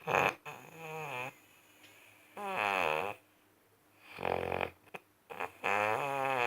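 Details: Person snoring deeply: deep, rasping snores recurring every few seconds, each a long rough breath with quiet pauses between.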